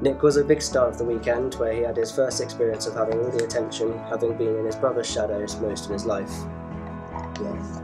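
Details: Adult male narrator; normal speech.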